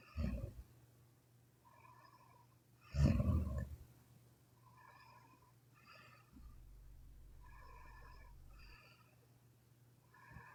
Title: Sleeping Chinese Women Snoring (CWN) Part 2